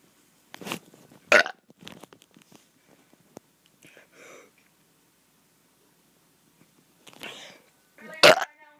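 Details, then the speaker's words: A child burps loudly on purpose several times, separated by quiet pauses and small mouth sounds; the child says a burp brought up chili. "ah burped up some chili oh yeah it tastes good doesn't it"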